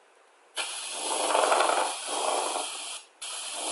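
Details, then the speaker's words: Stethoscope auscultation during breathing: rough, grating, creaking noise riding on each breath, a pleural friction rub from inflamed pleural surfaces rubbing together. "Pleural rub is also called friction rub and sounds like a creaking or grating sound, which is produced when inflamed pleural surfaces rub against each other."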